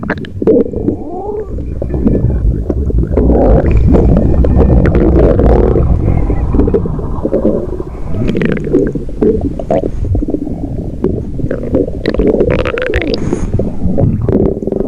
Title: Stomach Growl